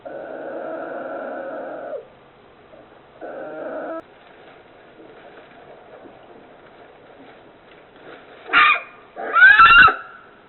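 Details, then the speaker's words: Polar bear cub, 41 days old, sleeping calmly after a brief unsettled moment: steady buzzing, whistly breathing in long stretches, then a couple of louder squeaky sounds near the end; snoring. "also it happened I wonder if this is the sound of snoring. This is probably the sound of snoring."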